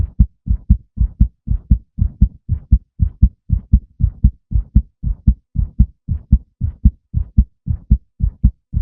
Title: male heartbeat sound 2